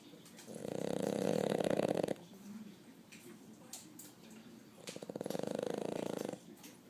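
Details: Pet snoring while asleep with her eyes open: two long, rattling, buzzing breaths separated by a quiet pause.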